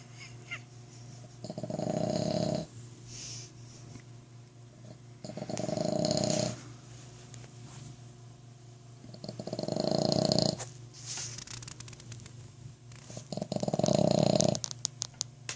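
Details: Boston Terrier snoring loudly like a human: four rasping snores, each about a second long, roughly every four seconds (about 15 a minute) with quiet breathing between; snoring.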